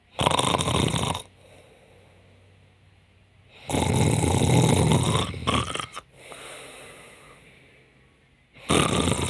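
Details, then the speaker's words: An adult woman pretends to sleep and imitates snoring to tease her partner: loud, rattling snore sounds in long bursts with quiet pauses between. "me voy a hacer la dormida y como que estoy roncando para para ver qué cara pone el Jonathan"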